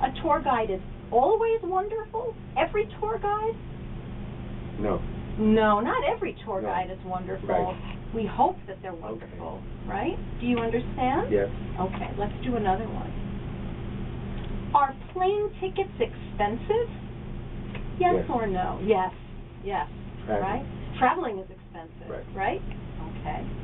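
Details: Adult woman speaking, with brief replies from another person; ordinary speech.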